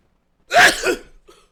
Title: WHO SNEEZES LIKE THIS?!